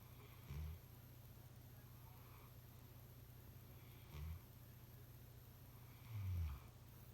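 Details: German Shepherd, tagged as a puppy, snoring: three low, short, snorting snores a few seconds apart.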